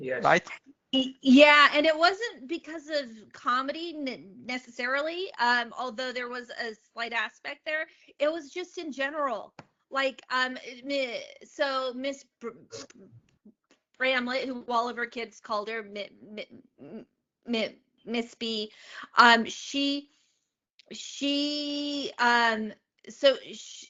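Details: Adult woman, a comedian, who has stuttered since age eight and speaks openly about it; real stuttering.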